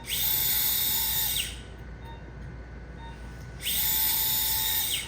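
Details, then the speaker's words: Great toe joint fusion (SpeedMTP) for severe big toe arthritis: two bursts of high-pitched surgical drill whine with a quiet pause, drilling holes for angled screws through the plate. "Now we're going to drill additional holes. This is for placement of some screws that go on a different angle as those tines."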